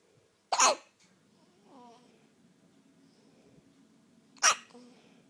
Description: Poor baby got hiccups!